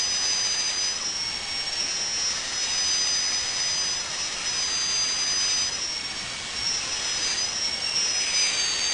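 High-pitched steady whine with wavering pitch over a hiss, the sound of a dental drill running; a sound-effect recording.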